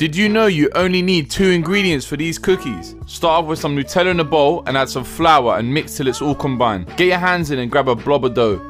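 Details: Adult speaker; plain speech.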